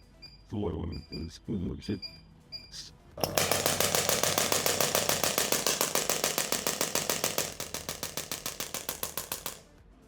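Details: Radial shockwave therapy device used as treatment for low back pain: a few short clicks and brief bursts, then a rapid, steady train of loud sharp taps, about 200 a minute.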